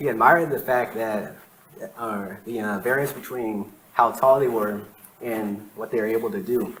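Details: Adult man with lifelong stuttering, present as long as he can remember; real speech from his own 2013–2019 recordings. Finding: stuttering.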